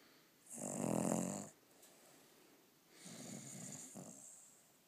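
Two loud, rough, rattling breaths during sleep, the first louder than the second, in a quiet room: snoring.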